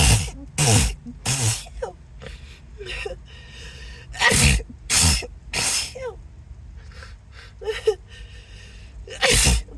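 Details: Acted sneezing fit, possibly allergy: about seven forceful sneezes in quick succession, some with sharp in-breaths between, with apologies and background music.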